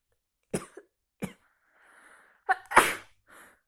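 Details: A few short, sharp bursts, then one loud explosive burst with soft breaths between; labelled coughing, described as big sneezes.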